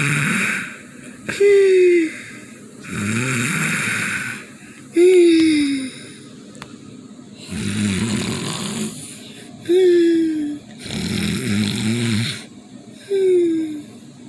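Loud rattling snores on breathing in, about 17 breaths a minute, alternating with high falling whistles on breathing out; snoring.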